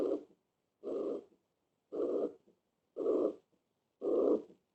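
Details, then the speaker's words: Regular blowing murmurs fill each systole at about 57 beats a minute over the mitral area: a systolic murmur of mitral regurgitation. "por eso este soplo es histórico para por la insuficiencia mitral muy bien"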